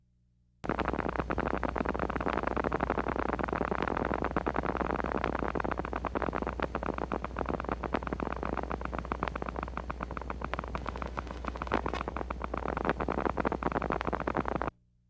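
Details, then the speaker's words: Needle EMG with small-amplitude, short-duration motor unit potentials, the myopathic pattern (also seen in myasthenia gravis, LEMS and botulism): dense, sharp, scratchy crackling over a steady hum. "It is also important to know that short duration mups can be seen in neuromuscular transmission disorders myestinia gravis limbs and botulism. Watch and listen to Sassid Mups."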